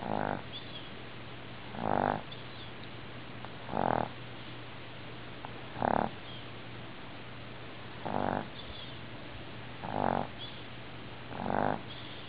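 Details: Sleeping dog snoring in a cartoon-like way: short, regular, slightly nasal bursts about every two seconds.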